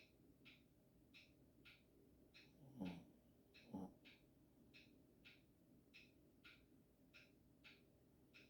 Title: Snore Boi